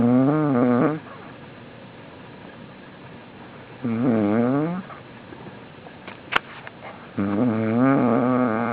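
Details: Man passed out on the floor snoring: three loud, buzzing, throaty snores about three seconds apart with quiet stretches between; ordinary snoring.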